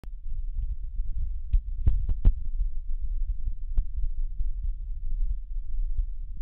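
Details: Child's heart sounds recorded with a digital stethoscope: low, muffled heart sounds with a few sharp contact clicks.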